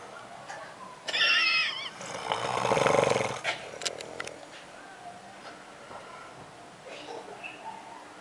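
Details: Husband snoring while asleep, though he denies snoring: a squeaky, whistling intake followed by a rough, fluttering rumble, a loud snore.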